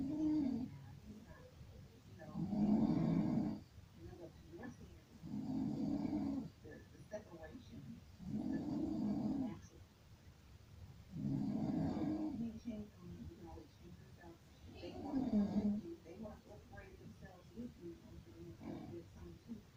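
Rhythmic, throaty grumbling snores about every three seconds, somewhat growl-like, with faint room noise between breaths. Snoring.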